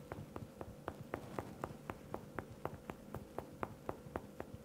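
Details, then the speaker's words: Stony dullness imitated by percussing over solid thigh muscle in a self-practice demonstration: a steady series of short, flat, thudding finger taps, about two per second, with no hollow ring. "now if you want to hear like Stony dullness or stuff that you would hear when you're for"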